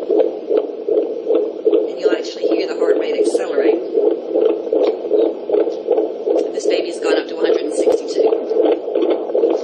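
Rapid, regular whooshing fetal heartbeat on Doppler, about 160 beats a minute, with a fetal heart rate acceleration after stimulation.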